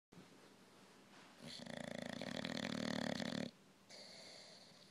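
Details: Older English bulldog snoring, louder with age: a long, rattling, buzzing snore on one breath, between quieter noisy breaths.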